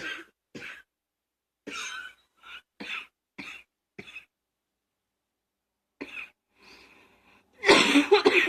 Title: # 64 coughing, allergies, singing lungs